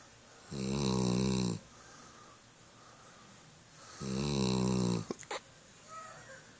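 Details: Sleeping Shepherd dog giving two long, low, buzzing snores about four seconds apart in a quiet room with a few small clicks; snoring.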